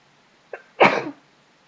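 A brief in-breath followed by one sharp, explosive burst of air: a single sneeze.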